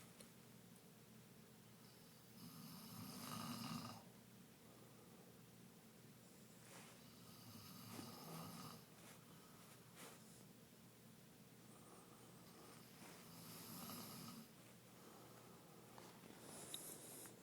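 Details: Wife snoring: soft rhythmic snores with each breath in a quiet room, roughly one every six seconds; snoring.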